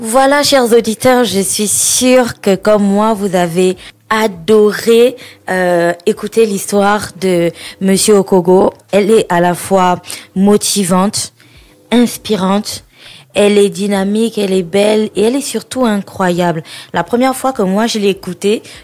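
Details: Adult woman, podcast host; typical speech.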